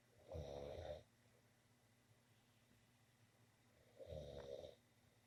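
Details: Person asleep in a bedroom: two rattling snores about four seconds apart, roughly 15 breaths a minute, in a quiet room; ordinary snoring.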